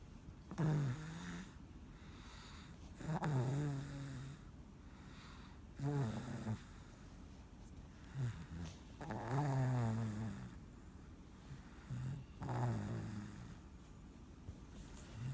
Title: snores after a long day of fun